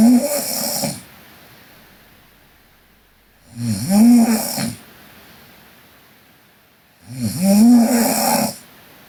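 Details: Korean girl snoring while asleep: loud, rough snores on each inhalation, about 17 per minute, with quiet pauses between; ordinary sleep snoring.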